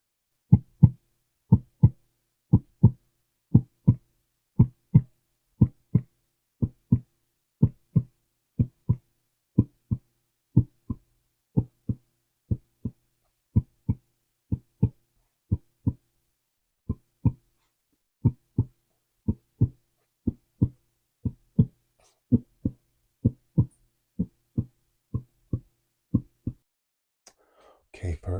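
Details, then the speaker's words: Simulated doctor roleplay (ASMR): regular, clean paired lub-dub normal heart sounds at about 60 a minute, heard by stethoscope. "First, I like to start with using my stethoscope here. And we're going to listen to your breathing as well as your heart."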